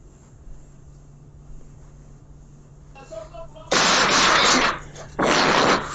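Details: After a few quiet seconds and a brief vocal sound, two loud, harsh bursts of forceful coughing, distorted by their loudness.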